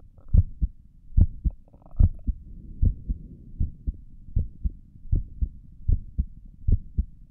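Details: Self-recorded resting heartbeat, apparently through a stethoscope on the chest: steady paired low lub-dub thumps at about 73 beats a minute, with stomach gurgles noted during the recording; a normal adult heartbeat.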